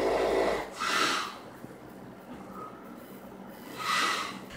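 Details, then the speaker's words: Person's snoring, recorded by a loved one, judged concerning for possible sleep apnea: loud, uneven snores that change in pitch and strength, with a thin whistle. "NOT TO BE INSENSITIVE, BUT IT KIND OF SOUNDS LIKE A WHALE COMING UP FOR AIR, AND THAT'S LIKELY WHAT'S GOING ON WITH THIS LAND MAMMAL WHO SEEMS TO BE FIGHTING FOR EVERY BREATH."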